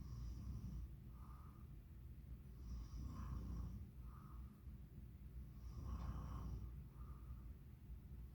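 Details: Soft, low, rumbling snores about every three seconds, roughly 20 a minute, over a steady low background hum; snoring.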